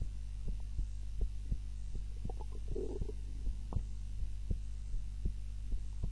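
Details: Heart sounds recorded during a daytime nap with a timer, lying on the back (supine) rather than the usual prone position: soft low thumps about 70 a minute, uneven spacing, brief rumble midway, over a hum; normal heart sounds.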